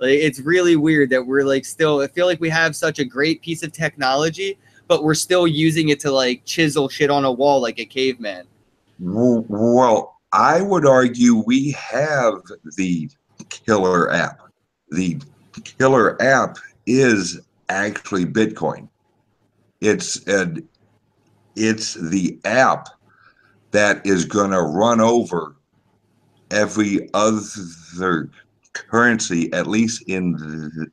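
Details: Male podcast guest's self-reported speech impediment, type not named; disfluent speech heard. Finding: speech impediment.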